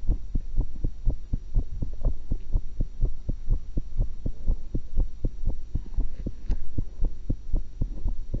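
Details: Own heart recorded through a stethoscope while eating an apple and a cucumber: regular heartbeats at about 60 double beats a minute over a low hum and faint chewing; normal heart sounds.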